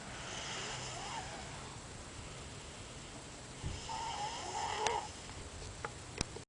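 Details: Snoring during sleep: rough, rumbling breathing noise over steady room hiss.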